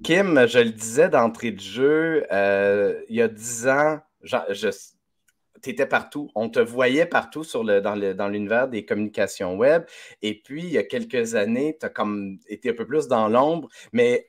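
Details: Adult man, French speech; Typical speech.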